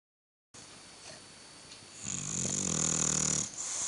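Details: Sleeping bulldog snoring: loud, buzzing, fluttering snore with a whistling, snorting edge on the breath.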